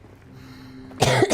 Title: Girl coughing 126